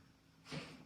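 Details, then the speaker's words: A single quick, sharp, breathy burst from a dog sneezing in the background some distance away, over faint room noise: dog sneeze. "So we're looking from. Can you hear my dog sneezing?"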